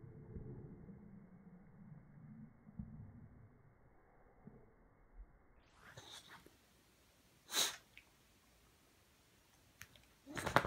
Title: Beagle Super Slo-Mo Sneeze